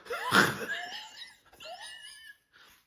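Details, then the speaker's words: Infant with RSV bronchiolitis: noisy, loud, labored breathing with musical, whistling wheezes from swollen, mucus-filled small airways, "like a broken washing machine." "their breathing is going to be very loud it's going to be very labored you're going to hear wheezing my common joke about this is they're going to sound like a broken washing machine"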